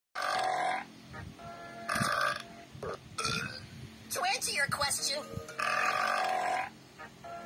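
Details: Cartoon crocodile and alligator burps: repeated long, voiced belches amid music and talk from the soundtrack; loud exaggerated burping.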